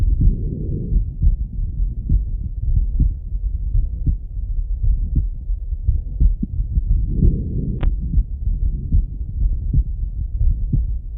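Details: Male heartbeat heard on auscultation: normal heart sounds.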